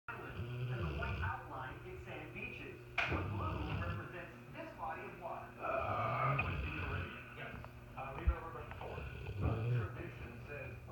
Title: Maggie the Mastiff Snoring, Her Daddy Burping